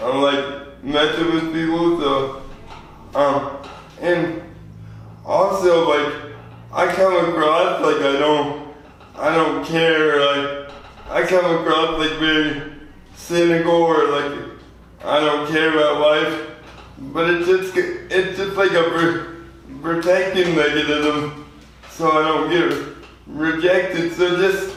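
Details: 24-year-old man with lifelong spastic quadriplegic cerebral palsy from premature birth at 2 lb 4 oz; spastic dysarthria (cerebral palsy).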